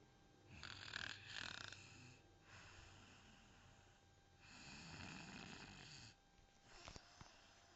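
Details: Loud snoring recorded during a snoring contest: harsh, rattling breaths in and out a few seconds apart, with a snort near the end.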